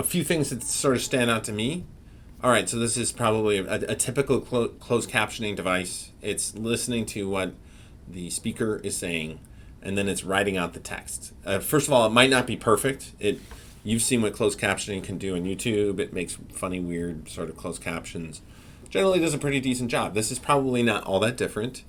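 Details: Adult male speaker; normal speech.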